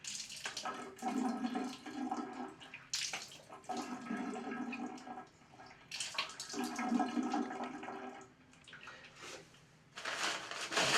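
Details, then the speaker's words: Nasal saline rinse demonstration for allergy and sinus relief: running, splashing water with pauses as salt water pours out, with dripping afterwards and head tilting side to side. "And you'll have some dripping afterwards. And sometimes you're going to have to tilt your head from side to side because you'll get more water out as it collects up inside the crevices within your nose."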